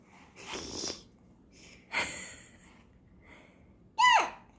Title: Baby sneezing 20200226